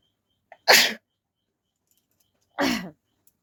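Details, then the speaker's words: Two sharp, forceful sneezes about two seconds apart in a quiet room, induced deliberately during a sneezing challenge without a handkerchief. "नहीं अब और नहीं होगा क्योंकि नाक गीला हो गया है गीला होने से मतलब फ्रीजिंग अच्छे से नहीं होता है"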